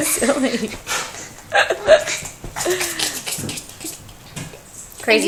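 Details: A young child who has hiccups while laughing hard, vocalizing with a few abrupt, sharp hiccup sounds.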